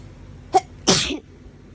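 A short catch of breath, then one forceful sneeze; an allergic sneeze from hay fever.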